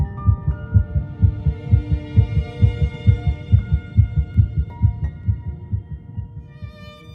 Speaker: at three weeks in one day just 22 days after fertilization heartbeat can be detected